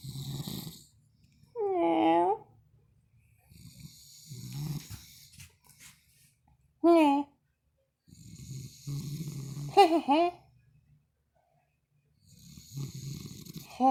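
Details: A man wearing a mask snores heavily while a friend plans to scare him: repeated rattling inspiratory snores, some ending in high squeaky whistles, separated by quiet pauses; snoring.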